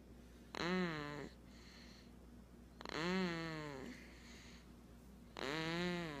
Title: snores!